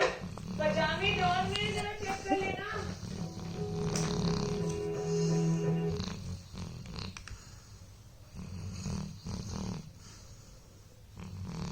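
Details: Dog sleeping after a long day of playing; low, rumbling snores, partly masked by background music and a steady hum.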